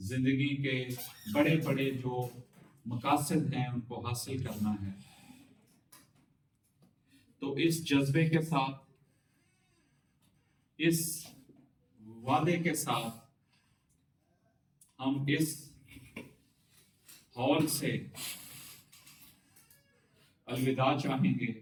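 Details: Adult man who has overcome stammering speaks with the slow speaking pattern and deliberate pauses taught in his course, with a word repetition; stuttering treated with fluency-shaping technique (slow, prolonged speech).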